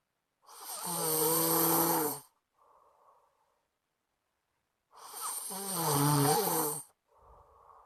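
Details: Friend snoring in sleep loudly enough to keep the recorder awake; two loud, rattling inspiratory snores, each followed by a soft breath out, about eight snoring breaths a minute.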